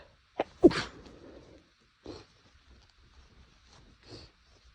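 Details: Sneezes deliberately stifled to stay quiet, from an itchy nose the person links to temperature changes: several short sneezes muffled behind a closed mouth, heard as brief puffs and snorts with soft nasal sounds between; stifled sneeze.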